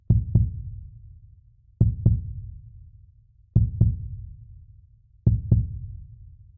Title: Heartbeats make the best soothing sounds. Take care of yours!! #heartratemonitor #healthylifestyle